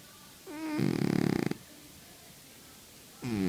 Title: Храп кота. Snoring cat. Глубокий сон кота. Животные.